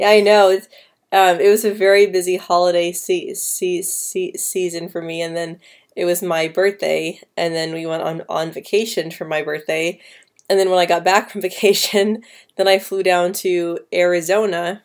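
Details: Female speaker who has stuttered since about age 9 or 10, with repetitions and blocks at word starts or mid-word, especially on P, B and C sounds, worse with anxiety; stuttering.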